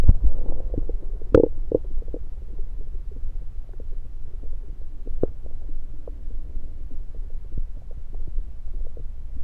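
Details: Stethoscope placed around the belly, focus on placement: low rumbling with scattered gurgles and clicks; normal bowel sounds.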